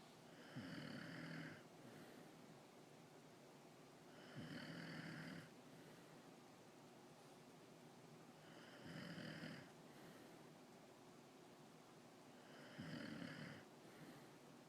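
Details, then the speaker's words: Husband who says he doesn't snore, snoring softly and regularly against steady room hiss: four snores in about fifteen seconds, roughly 16 breaths a minute. "i don't snore i'm just having a bad dream what was that i think that's snoring if you ask me oh stop snoring"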